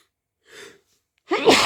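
A quiet muffled intake, a pause, then a strong wet sneeze burst: an ordinary sneeze.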